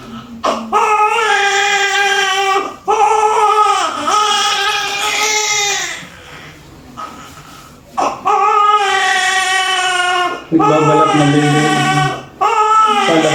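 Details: Post-mature newborn just after normal vaginal delivery: loud, sustained wails in long bursts with breaths between, a strong, vigorous cry, with faint room sounds.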